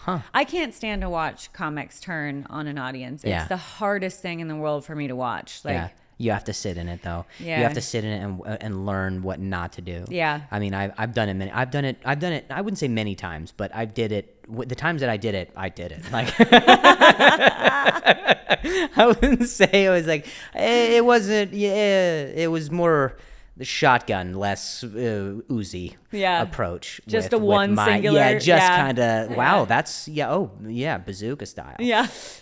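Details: Stuttering with word and phrase repetitions in an adult male comedian who also mentions an injury he has had, in conversational podcast speech.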